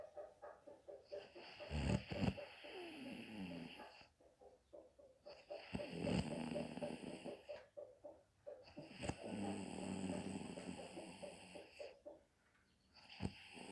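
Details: Mother sleeping comfortably in the daytime: loud, rough snoring on repeated breaths, with brief quiet pauses between breaths.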